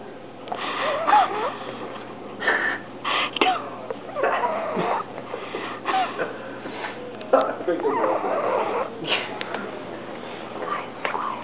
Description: My favourite pug, Annie...snoring.